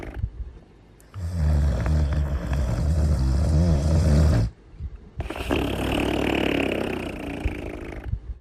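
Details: Cartoon character's snoring: a loud, rumbling, long rattling inhalation, a pause, then a softer hissing exhalation.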